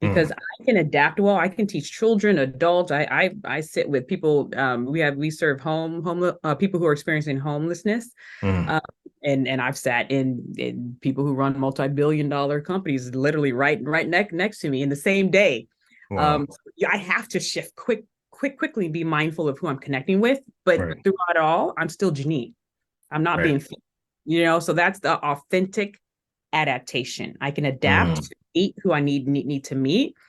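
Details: Adult woman who has stuttered since elementary school, had speech therapy three times a week, still stutters today with occasional blocks where nothing comes out; stuttering.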